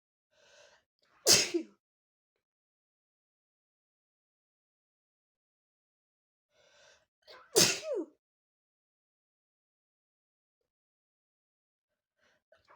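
Two forceful sneezes about six seconds apart, each with a short breathy lead-in before the sharp burst.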